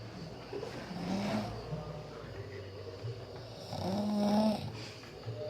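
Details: Sleeping person snoring: two low, rough, rattling sounds with each breath in, over room noise.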